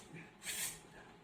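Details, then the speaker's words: Imitated normal vesicular breath sound: a soft, even, low airy hiss like a drawn-out 'f', with inspiration about three times longer than expiration. "Звук дыхания, издаваемый везикулами, мягкий, равномерный и низкий, напоминающий произношение буквы «ф» при"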